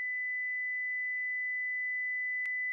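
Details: Simulated tinnitus: a phantom ringing, buzzing, whistling or purring noise heard in the ears or head, which may be temporary or permanent.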